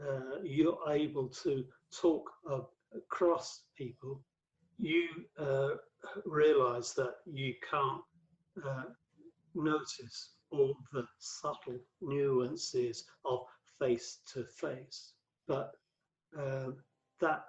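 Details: Adult male stroke survivor, five strokes between 2007 and 2015; the 2013 stroke left him paralysed with aphasia affecting word fluency and vocabulary retrieval; aphasia.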